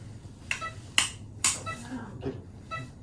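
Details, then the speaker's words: Three sharp metallic mallet taps driving the access cannula into bone during kyphoplasty for an L2 lumbar compression fracture in a woman over 50 with a prior L4 compression fracture, in a quiet procedure room. "Get a feel for this. Like taps. Good."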